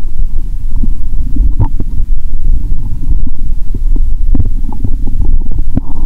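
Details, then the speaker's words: Bowel sounds heard through a stethoscope on the belly, which now feels bloated: continuous deep rumbling with scattered gurgles and pops over a low hum, active borborygmi. "ó thể nghe thấy âm thanh của dạ dày ngay cả khi ở gần tim. "Tôi sẽ ấn mạnh ống nghe và nghe ♪". Bạn có thể nghe thấy âm thanh tốt hơn nếu bạn không nhấn mạnh."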